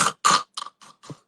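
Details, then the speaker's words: Adult imitates snoring with arousal snorts, five short harsh snorting bursts with abrupt gasps, illustrating dangerous snoring in which the sleeper jolts awake and the bed partner fears for them. "একটা শব্দ হয় নাক ডাকার। এবং দেখা যাচ্ছে যে পাশে যিনি থাকেন উনি আতঙ্কে থাকেন যে এই মানুষটা কি এক্ষুনি এক্ষুনি মানে চলে যাবে নাকি, বিপজ্জনক নাক ডাকা এই কথা বলছিলেন।"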